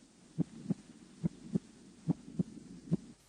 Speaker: normally at the Apex the first tone is louder than the second the first systolic tone consists of several